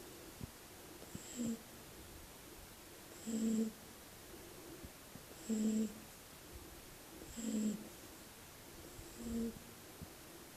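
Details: A sleeping Shar-pei puppy snoring: five regular snores, about 28 a minute, each a short low rumble with a faint whistle; ordinary sleep snoring.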